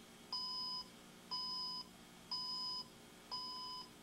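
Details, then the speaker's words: Sigma infusion pump Fixed 24 alarm, triggered by forcibly pulling the tubing out of the pump channel: steady repeating two-tone beeps about once per second; operator cannot clear it, the pump needs servicing. "the fixed 24 alarm displays when the operator attempts to unload the set by pulling the tubing out of the upstream occlusion sensor and the roller clamp out of its holder and forcibly pulls on the tubing below the"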